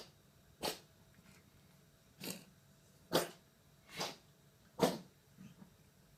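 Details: Five short, dry hacking coughs at irregular intervals over about six seconds in an Abyssinian cat with persistent cough unresolved by amoxicillin, Synulox, Erespal and prednisolone; cough.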